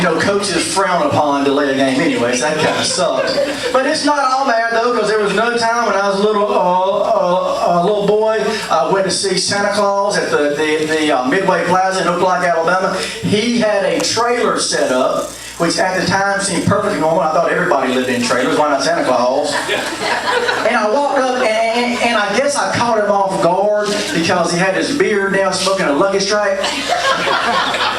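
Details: Adult male comedian who stutters, performing stand-up at an open mic; interjections and word repetitions heard; stuttering.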